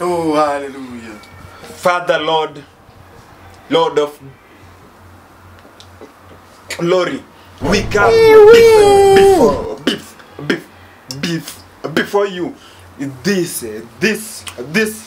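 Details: Comedy skit of a man who stammers leading a prayer before a meal, with repeated words; stuttering (acted).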